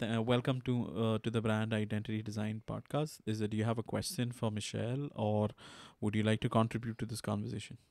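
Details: Adult male speaker; Normal speech.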